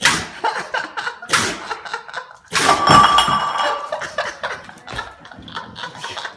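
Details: American bulldog puppy sneezing in a few sharp bursts while eating, with bowl clinks and chewing.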